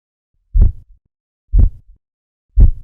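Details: Manual blood pressure practice: three regular low tapping Korotkoff sounds about a second apart; reading 102/60 mm Hg, systolic at first tapping, diastolic when sound ceases.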